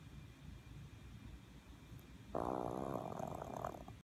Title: Little Maltese Snoring